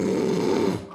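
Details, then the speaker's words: Adult imitation of a brief, rough, low inward snoring sound, the dragged-in sound of the tongue falling back and blocking the airway rather than nasal obstruction; tongue-base snoring. "이 소리가 끌려 들어가는 소리가 날 때는 코보다는 혀가 넘어간 기도를 막는 소리이기 때문에 구강장치가 좀더 효과적이다."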